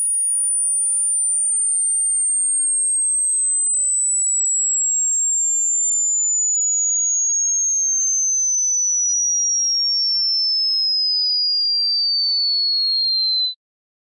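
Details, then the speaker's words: High-frequency hearing test sweep, played while the listener presses the spacebar on first hearing it: a steady, pure whistle-like tone, very high and gradually falling in pitch over about 13 seconds. "so when you hear a noise like a screeching high noise you're gonna press the spacebar as soon as you hear it okay so i'm gonna start it right now press the spacebar as soon as you hear it"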